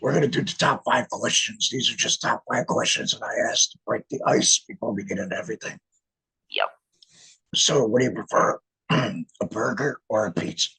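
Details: Male laryngectomee speaking with an electrolarynx; electrolarynx speech.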